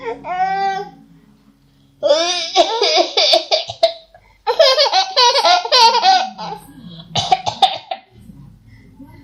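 A child's voiced, laugh-like bursts, then a few short, harsh, noisy bursts near the end that fit coughing.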